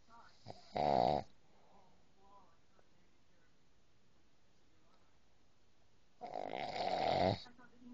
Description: This is what happens when the boyfriend told me he didnt snore i recorded him.